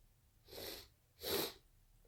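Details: Induced sneezing fit: two hissing sneeze-like bursts about three-quarters of a second apart in a quiet room.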